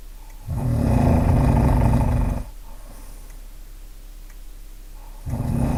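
Deep, loud, rattling snore lasting about two seconds on the in-breath, a quiet pause, then the next snore beginning; typical snoring.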